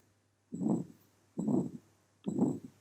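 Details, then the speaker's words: Aortic stenosis murmur on heart auscultation: harsh crescendo-decrescendo murmur filling each systole at about 70 beats a minute. "this is the characteristic waveform of the murmur produced in a case of aortic stenosis the murmur occurs during"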